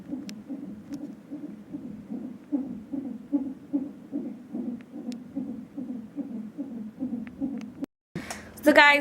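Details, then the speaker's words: Fetal heartbeat from a monitor strapped on the lower belly of a past-due pregnant woman at a check-up: fast, regular whooshing pulses, roughly 135 a minute, ending in a burst of noise. "go ahead of this one her lower belly which is measuring the heartbeat"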